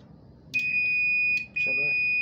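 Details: Infusion pump under repair after a burst capacitor was replaced and burnt circuit traces were fixed, powered on with battery connected. Faint room noise, then a loud sustained high-pitched tone, briefly broken and resuming. Infusion pump alarm with Error 8 hardware.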